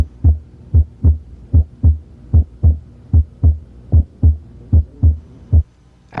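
Regular low-pitched lub-dub heart sounds at about 75 beats a minute, heard at the apex with the bell.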